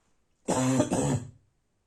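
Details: Harsh, hoarse barking cough at night, a single cough of two linked bursts with a rough barking quality.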